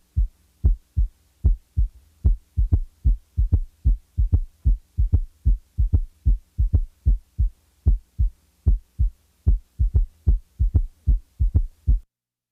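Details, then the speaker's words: Regular low-frequency heart sounds with an extra dull sound in early diastole just after S2, sometimes removed to show its timing: third heart sound (S3). "the following example demonstrates an s3 in a patient manifesting congestive heart failure since the heart rate is rapid one of the first compensatory mechanisms of failure one has the impression that there are three sounds with each cardiac cycle"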